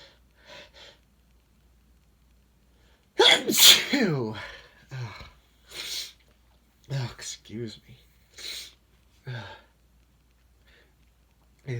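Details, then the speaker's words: Adult male with no allergies, deliberately inducing sneezes and saying a sudden weather change from about 50 to 15 degrees makes him extra sensitive: one strong sneeze followed by a quick run of smaller sneezes with short breaths between. "one good thing about the weather changing you know going from like 50 degrees to like 15 in a short time it makes me a little extra sensitive"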